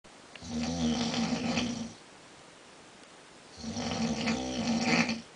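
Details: Adult man snoring in his sleep; his wife reports the snoring is loud, long-lasting and frequent. Two long, rattling inhaled snores separated by a quiet pause.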